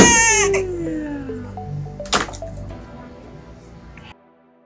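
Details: Infant girl crying during a pediatric chiropractic adjustment: a short, loud cry that trails off, with background music and a sharp click partway through.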